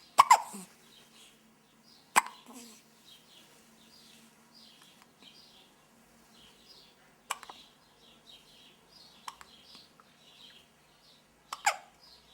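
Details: Baby with hiccups: four abrupt, sharp hiccup sounds a few seconds apart, with soft chirpy background noises between.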